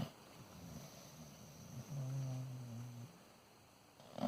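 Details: A bear snoring: deep, low rumbling breaths with one longer growling snore over steady background noise.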